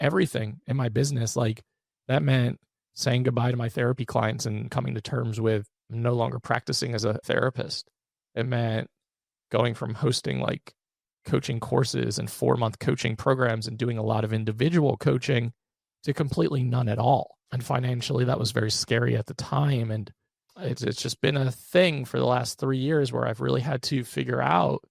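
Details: Adult male with one vocal fold paralysed by open throat surgery for a rare chronic recurring throat condition, after endoscopic surgery in 2021 and recurrence within 4 months; voice improved but still vocal fry, tires daily; finding: unilateral vocal fold paralysis.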